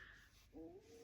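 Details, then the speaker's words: While speaking, a person's stomach gives a brief, low, rising tonal gurgle, almost like a soft coo, over faint room noise, which they acknowledge as their stomach: borborygmus. "um I hope you didn't oh my gosh I hope you didn't hear that that was my stomach sounded like it was not my stomach but it was I promise you if you heard it"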